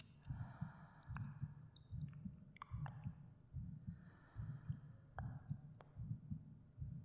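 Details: Binaural ASMR meditation recording of the narrator's own heartbeat: soft, regular low thumps about 74 a minute with faint breathing and gentle echo effects for relaxation and sleep; normal resting heartbeat.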